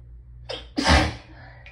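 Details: A short catching inbreath, then one loud, forceful sneeze with a deep booming burst, from forcing the sneeze through nose and mouth at once; desperate, hitchy hayfever sneezing, nose raw from rubbing.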